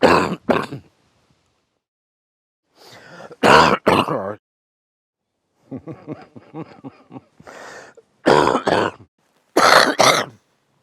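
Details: Sleeping man coughing at night: several harsh coughs in pairs, with throat clearing and grunting between them; cough during sleep.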